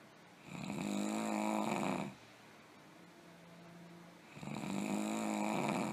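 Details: Sound-effect recording of very bad heavy snoring: loud, rumbling, tonal snores on each breath in, with a softer whistling breath out between them.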